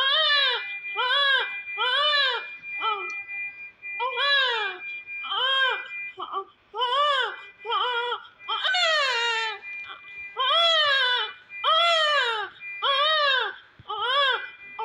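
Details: Newborn baby in hospital, shortly after birth: strong, rhythmic crying in repeated bursts with a clear, steady pitch and short breaths between cries.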